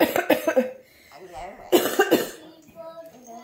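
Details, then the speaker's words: Family member ill for about a week and a half with a suspected virus and a nasty cough: two bouts of harsh, rapid coughing, each a run of several coughs, separated by a quiet pause; coughing from an upper respiratory illness. "Yeah. We all have a very nasty sounding cough."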